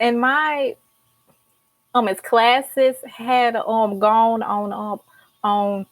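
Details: Female senior college student with a stutter who started speech therapy in college; describes blocks and repetitions: stuttering.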